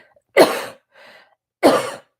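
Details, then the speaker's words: Demonstration of a productive diaphragmatic cough, seated and leaning forward with the arms pressed into the ribcage after several breaths: two deep, forceful coughs from the lower chest with a breath between, to bring up mucus. "this second cough is very productive and deeper and it's in its capacity to push stuff up"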